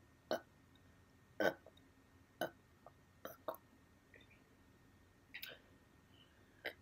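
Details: Hiccups: sharp, abrupt gulping catches, about seven in under seven seconds, in a quiet room.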